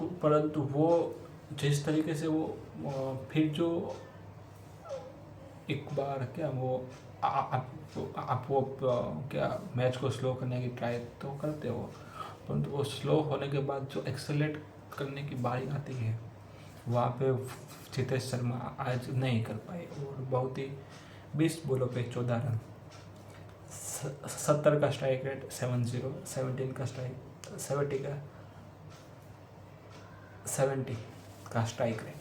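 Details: Adult man who stammers, doing daily stammering-control practice, reading Hindi tongue twisters as a fluency exercise; stuttering.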